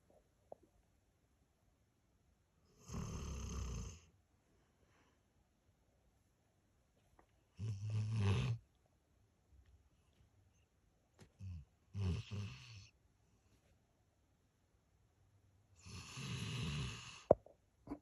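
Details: Four loud, low, rattling snores separated by quiet pauses, about one every four to five seconds; loud snoring during sleep, "like a tractor," disturbing others' sleep.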